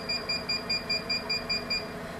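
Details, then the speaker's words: Portable triple-wavelength diode laser hair removal machine (755, 808, 1064 nm), handpiece crystal pressed to gel-covered skin during treatment: regular high-pitched beeps, about five per second, nine in a row, over low machine hum, as the laser fires. "adjust the parameters and click ready we'll do the treatment slip the crystal of the handle to the skin tightly and shoot like this"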